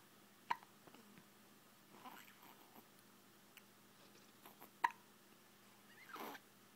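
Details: Two sharp little infant hiccups about four seconds apart with soft breathing between, in a quiet room; normal baby hiccups.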